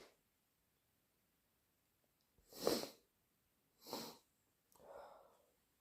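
Two sharp sneezes followed by a softer snort or sniff, in a quiet room; sneezing brought on by sneezing powder.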